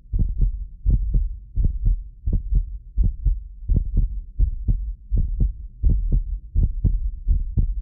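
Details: Steady, deep paired thumps at about 80 beats a minute from a medically fit adult, recorded with multiple precision contact microphones, which cause occasional double-click artifacts; a normal heartbeat.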